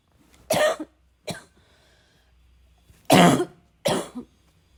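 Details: Four harsh coughs in two pairs, each a strong cough followed by a weaker one, in a quiet room; a coughing fit.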